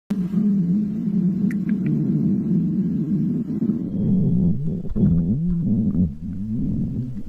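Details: Long, loud, low drawn-out growl that wavers in pitch from a mother's stomach; ordinary stomach growling.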